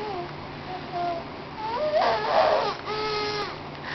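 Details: Baby girl angry after being put on the floor while her food was fetched: fussy whimpering rising into a louder angry wail with soft room background; an ordinary infant protest cry.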